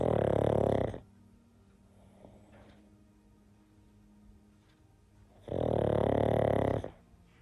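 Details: Pug napping with tongue sticking out, snoring away: snoring.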